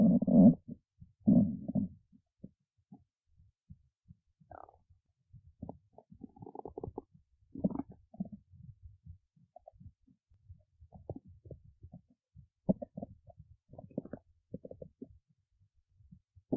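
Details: Stomach growling from a person awake since 1:25 a.m.: soft, irregular gurgles, squeaks and low rumbles with a few louder bursts; ordinary borborygmi.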